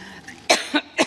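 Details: A woman gives three short, dry coughs in quick succession while giving a speech, part of a coughing fit.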